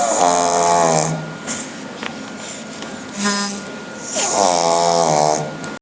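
Loud, drawn-out whistling and rasping snores from a flat-faced dog, with a short snort between them; noisy snoring.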